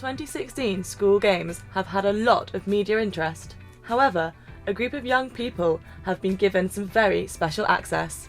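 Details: Adult presenter; typical speech.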